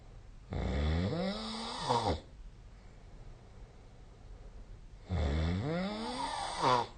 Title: 🐽 本日のイビキ / Snoring Sleep Sound 2025/05/07